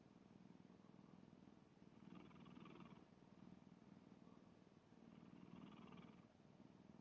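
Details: Sleeping black cat snoring: soft, continuous rumbling breaths that swell with each slow breath, close to a purr.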